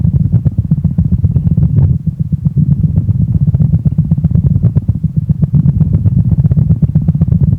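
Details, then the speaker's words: Animal heartbeat, species not stated: very fast, deep thumping heartbeat over a steady low rumble, a normal heart rhythm. "เสียงจังหวะการเต้นของหัวใจของสัตว์แต่ละชนิดเนี่ยนะครับก็มีไม่เหมือนกันครับแต่ว่าสัตว์ชนิดไหนมีจังหวะการเต้นของหัวใจเป็นยังไงไปฟังกันครับมาฟังเสียงหัวใจเต้นของสัตว์ชนิดต่างๆกัน"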